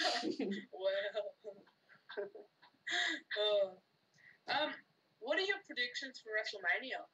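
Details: Adult speaker; typical speech.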